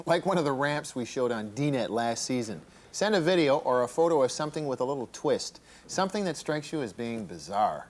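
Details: Adult man; ordinary speech.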